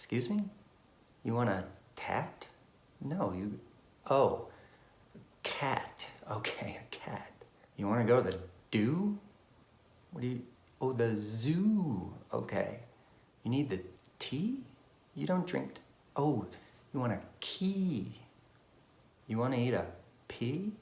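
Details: Demonstration of a child's phonological process errors, with sound substitutions such as velar sounds replaced by front sounds and changed final consonants; finding: phonological process errors (speech sound disorder).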